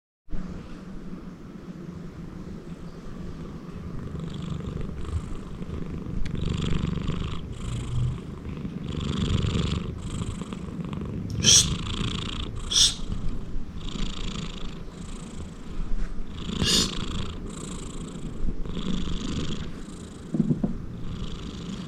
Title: Loud snoring sound of a big persian himalayan cat